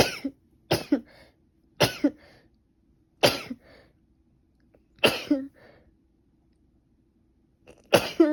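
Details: Female with allergies, sneezing since the previous night: six explosive bursts, each sharp and sudden with a short trailing sound; repeated allergy sneezing.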